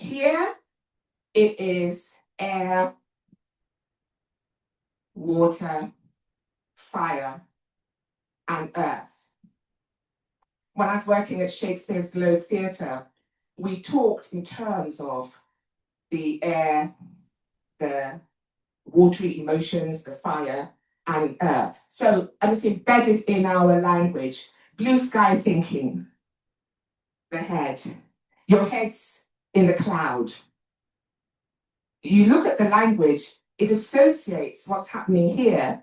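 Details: Adult woman, an actor and writer, with a self-reported stammer that she points out while speaking; stuttering.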